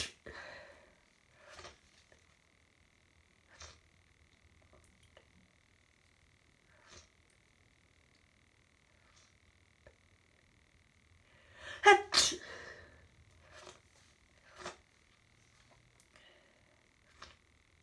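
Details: Hay fever sneezing fit lasting about an hour, with a stuffy nose: scattered short sniffs and breaths, then a loud burst of sneezes.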